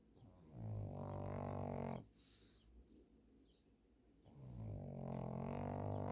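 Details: Loud, rumbling, low-pitched snores with quiet pauses between breaths from a sleeping female dog; snoring.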